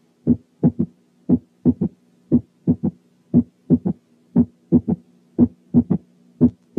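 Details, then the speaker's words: Third heart sound. Slow regular heartbeat, about 58/min, with an extra dull sound after S2, farther from S2 than a split S2 is. "ثانياً، تاني حاجة ممكن تعمل صوت زايد بعد السكند ساوند هو الثيرد هارت ساوند."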